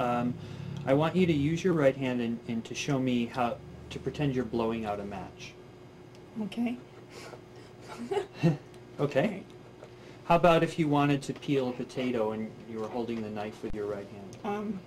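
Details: Adult examiner speaking; normal speech.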